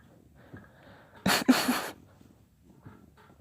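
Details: Two quick, explosive sneezes in close succession, each a sharp noisy burst, in a quiet room; a spontaneous sneeze fit from a daughter, not induced.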